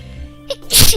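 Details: Person sneezing during a live stream: a quick in-breath followed by a loud, explosive sneeze burst over a steady low background hum.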